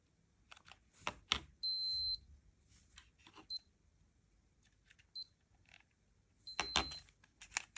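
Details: Lifechek Stick blood glucose meter in a repeatability test comparing two devices, by a person with type 1 diabetes: short high beeps between handling clicks and rustles during measurement; readings 118 and 115.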